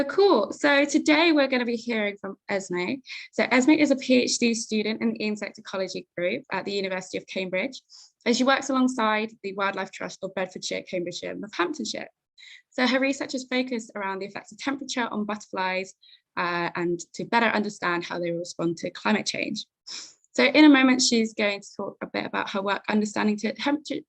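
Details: Adult woman speaking; Normal voice.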